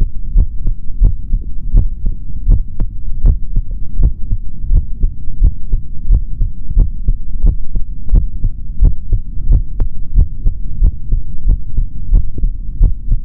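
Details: Male heart heard through a stethoscope: steady paired heart thumps at about 88 beats a minute with a faint hum beneath; normal heart sounds.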